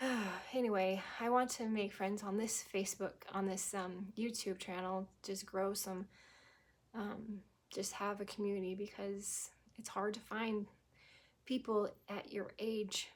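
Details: Adult woman who had a stroke at age 18, about 25 years ago, initially with global aphasia, now recovered to anomic aphasia with pauses, word-finding trouble, verb tense and preposition errors; anomic aphasia.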